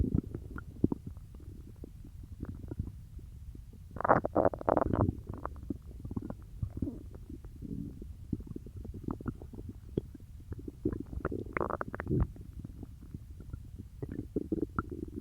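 Gurgling, bubbling rumbles with louder gurgles midway: ordinary stomach growling from active digestion.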